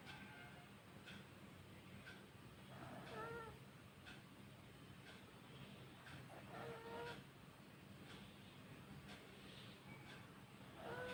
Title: Snoring Pug #puppy #pug#youtubeshorts#dog